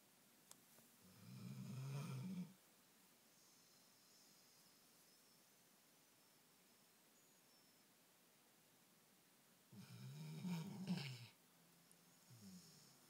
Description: American Staffordshire sleeping on bed on his back snoring.